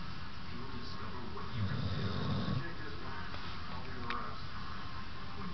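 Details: Female pit bull snoring while napping; snoring.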